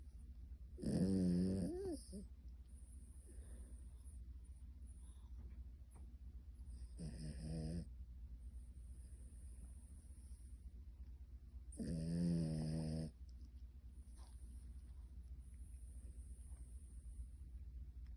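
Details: Sleeping animal snoring with one eye open: three long, rumbling, vibrating breaths several seconds apart over a steady low hum.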